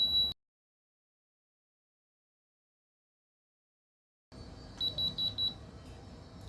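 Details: A high electronic beep, silence, then short beeps as a Surgitech digital wrist blood pressure monitor finishes its reading (121/83), compared against another monitor's 125/89.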